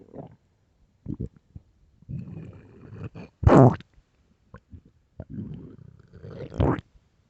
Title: late night stomach growls